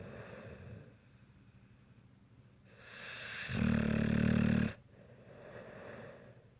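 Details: Sleeper snoring: one loud, rough, rattling snore on an inward breath, with quieter breathing before and after. Snoring.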